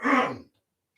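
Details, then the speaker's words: An adult steps away from the microphone and gives a single short, harsh, voiced cough, slightly distant; cough. "Excuse me. I'm going to step over here and cough."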